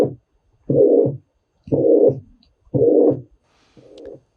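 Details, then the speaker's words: Systolic murmur on cardiac auscultation, demonstrated in a physical-exam teaching example: S1, then a murmur, then S2, like S1 dragging on until S2. "vamos ver como que é um sopro sistólico Observe que tem B1 tem um sopro e tem B2 é como se você ouvisse uma B1 arrastando até chegar em B2"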